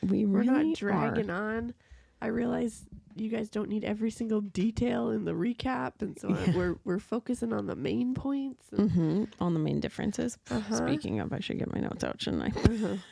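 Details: Adult woman speaking; Normal speech.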